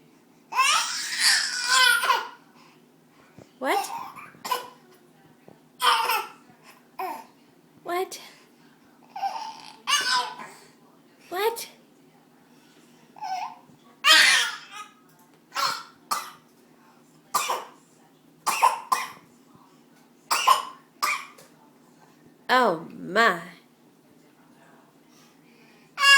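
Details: Child deliberately makes a long series of short, forced, breathy coughs, imitating calling in sick to work; fake cough.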